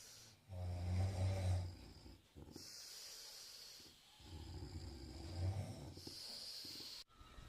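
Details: A sleeping person gives two loud, low, rattling inhaled snores, each followed by a quieter rushing exhale, with light room noise: snoring.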